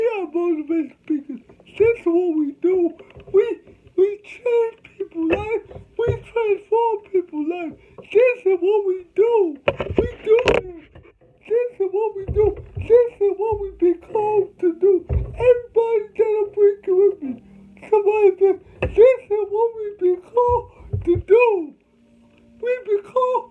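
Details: Adult man with cerebral palsy, whom doctors said would never talk; dysarthria (cerebral palsy).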